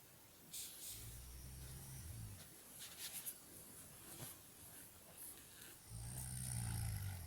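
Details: Annoying snoring: deep, rumbling snores on two breaths, with faint rustling and clicks between them.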